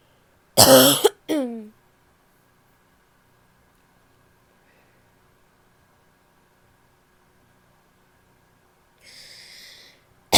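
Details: A single harsh, explosive cough with a short voiced tail from a female, giving a barky quality: a barking cough.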